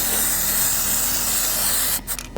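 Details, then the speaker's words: Steady hiss of aerosol spray for about two seconds, then stopping: a second coat of bandage-like wound dressing spray sealing a horse's wound against bugs, on a horse that had dental work that day. "You see the a little bit of the road dressing going down. I'm going to spray it one more time to close the area."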